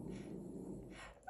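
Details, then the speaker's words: Snoring from a female dog sleeping nearby: low, rumbling snuffles. "Ah oui, j'ai ma chienne qui dort juste à côté. Si vous entendez ronfler, je suis vraiment désolée mais elle avait voulu se joindre à nous."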